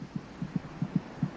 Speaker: it's quite loud the fetus's heart beats about twice as fast as her mother's